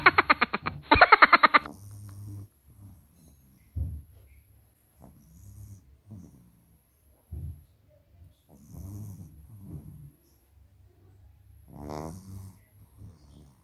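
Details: Short snorting bursts, then soft snuffling snores and breathy snorts from pugs sleeping beside their owner; snoring.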